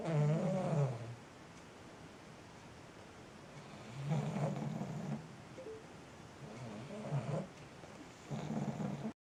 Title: 30 seconds of pug snoring